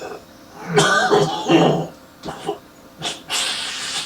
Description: Man with a heavy morning smokers cough with spitting